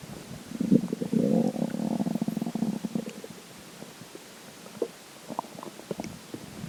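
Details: Low gurgling, bubbling stomach rumbles after drinking water, strongest early and then fading into scattered small pops: borborygmi.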